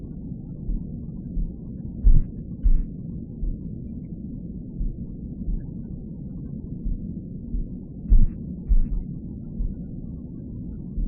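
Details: A produced white-noise track with a mother's intrauterine heartbeat, meant as the baby hears it from inside the womb: muffled low heartbeat thumps under a steady low rushing noise.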